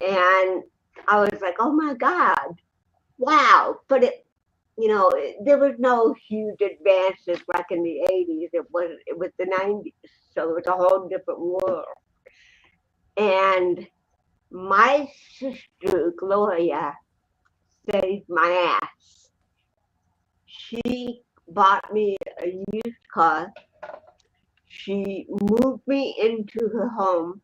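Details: Adult woman, an actress and comedian, born with cerebral palsy in 1956; dysarthria due to cerebral palsy.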